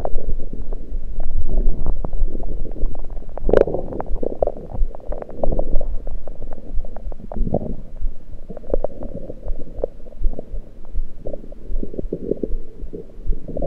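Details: Continuous low irregular gurgling and bubbling with scattered pops over the stomach, recorded with a USB electronic stethoscope; only liquids taken at the time, cause unknown to the recorder: active bowel sounds.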